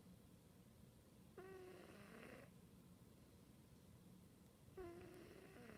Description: Cali has snored since she was a kitten.